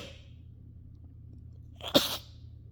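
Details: A faint breath out, then a single short, sharp sneeze burst over quiet room hiss; the person deliberately exhaled before sneezing while trying to produce rapid-fire sneezes. Sneeze.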